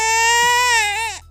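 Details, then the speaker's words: Infant hunger cry: a single loud, tonal, sustained cry trailing off at the end; crying is a late sign of hunger, the baby being very hungry. "Perfectly Normal for an infant to cry when they're hungry and this may be a other reason why your baby is crying so when you hear the hunger cry it probably is a sign that your baby is very very hungry"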